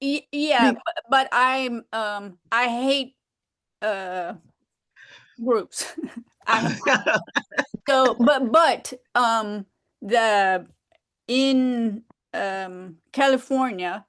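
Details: Woman with aphasia who has trouble expressing herself; aphasia.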